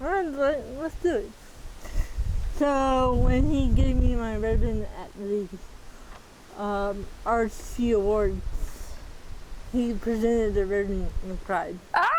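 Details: Dysarthria in a 40-year-old woman with moderate athetoid cerebral palsy, quadriplegia with moderate to severe physical involvement, GMFCS level 3/4; speech may be hard to understand.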